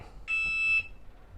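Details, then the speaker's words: Blood sugar monitor alert during a talk show: one high, steady electronic beep of about half a second; wearer's sugar reads 161. "oh this is my sugar right here this is my sugar i'm gonna let y'all know what my sugar is y'all cause they keep beeping and i don't know if we can get that out of post-production"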